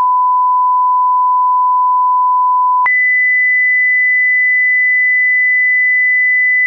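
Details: Audiology pure-tone hearing test tones played from low to high pitch, each for 8 seconds at constant loudness: steady pure tones, a lower pitch then a higher one.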